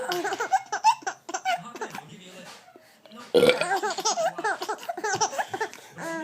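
A short burp-like sound followed by bursts of a baby's giggling laughter; everyday burping, not a medical sign.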